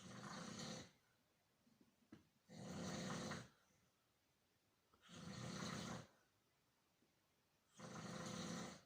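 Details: Older man snoring: loud, regular rasping snores on each breath, about four in nine seconds, with quiet pauses between.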